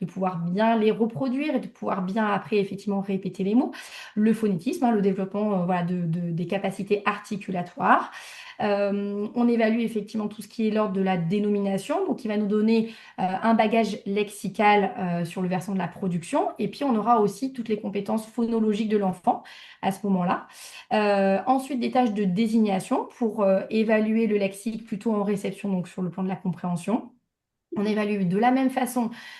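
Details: Adult woman speaking French; typical adult speech.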